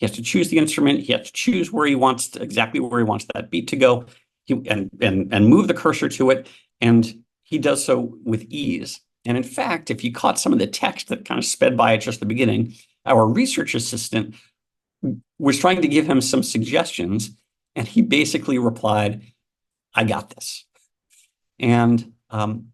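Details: Adult male speaker; normal speech.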